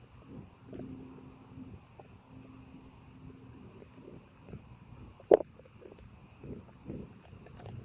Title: Bloated active tummy digestion and burps! 💓💓